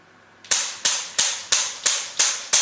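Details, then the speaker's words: SW7 shock wave therapy machine demonstration, elbow setting selected, handpiece on a cleaned, gel-covered area: sharp, regular snapping pulses, about three a second, from the handpiece firing. "Okay, then take the handle and choose the elbow and frequency and turn on. And press this button when you do the treatment."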